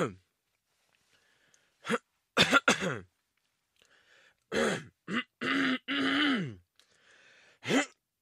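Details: Acted throat-clearing sound effect: an adult repeatedly clears the throat in short, gruff voiced bursts; throat clearing.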